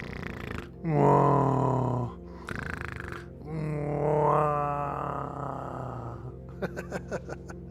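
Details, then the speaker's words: Adult man imitating his own loud snoring: two loud, rattling, voiced snores with a noisy inhaled breath between, then a few faint clicks. "all my ex-girlfriends will tell you that I actually do snore way too loud"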